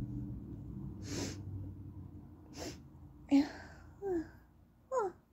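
Several short, high-pitched, held-back sneezes with quiet breaths between them in a small room. Stifled sneezing.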